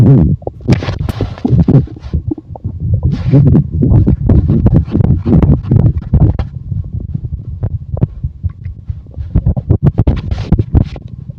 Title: Sound stomach growl and chest rub